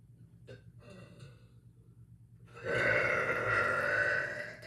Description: Just some loud echoey burps for all of you :3